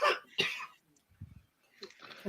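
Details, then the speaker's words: Two sharp, harsh cough bursts in quick succession, then quiet throat noises and faint room sound; an ordinary cough. "Y'all motherfuckers want to talk shit about me coughing, then y'all motherfuckers can hear it."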